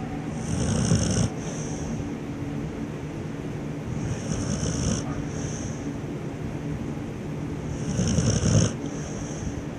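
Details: Snoring during sleep in a dark room: three low rumbling snores at about 4-second intervals over a steady background hum.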